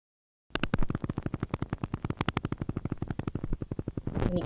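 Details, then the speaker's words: Needle EMG: single big, broad, very polyphasic, unstable motor unit firing rapidly and steadily with no other units recruited, deep rough pops; moderate to severe reduced recruitment. "this is a moderate to severe reduce recruitment you see that big broad very polyphasic motor unit if I were to change this the the gain of the screen the motor unit will will be larger than what it shows and if you see us it fires it's firing fast but nothing else is coming to the aid"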